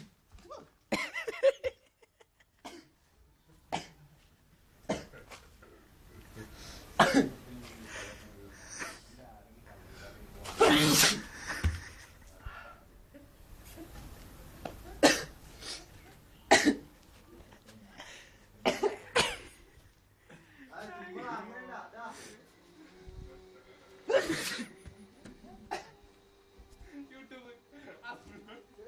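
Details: About six sharp, explosive sneezes after sniffing an Unani powder through the nose, with quieter breaths, brief talk and laughter between them.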